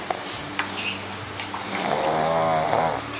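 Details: Pug snoring hard while awake with eyes wide open: loud, rattling snoring with rough, fluttering sounds on each breath.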